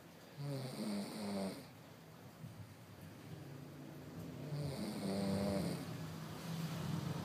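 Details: A sleeping baby: two low, rattling breaths on inhalation. Snoring.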